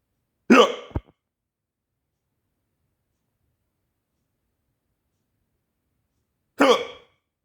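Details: Two abrupt, sharp, voiced hiccups about six seconds apart with silence between; the person complains of having the hiccups badly.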